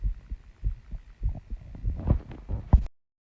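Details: Female, own heartbeat after running and squats, heart slowing while still out of breath: quick, somewhat uneven low thumps roughly 95 a minute with breathing noise.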